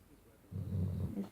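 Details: A single low, rumbling rattle on an in-breath from a sleeping Shar Pei dog, after a quiet moment: snoring.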